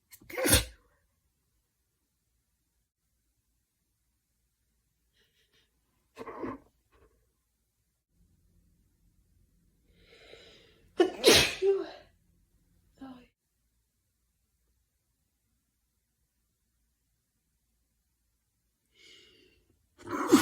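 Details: Sneezing from a woman, stifled and mostly unstifled: several sharp, explosive sneezes, some preceded by a quick inward breath, separated by quiet pauses.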